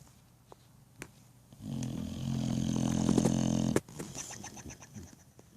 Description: Just my silly boy snoring